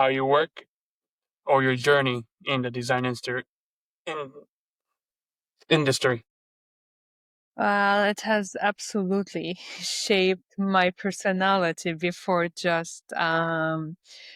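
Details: Stuttering in an adult Lebanese woman who speaks three languages.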